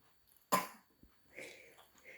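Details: 17-month-old toddler practising a voluntary cough while covering the mouth with a hand: a single short deliberate cough followed by quiet babbling, not a sign of illness.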